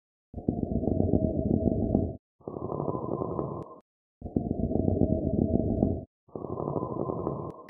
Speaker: the answer is pleural friction rub and the reason we know we have this is because we hear it on inspiration and expiration it sounds like a low pitched harsh grading noise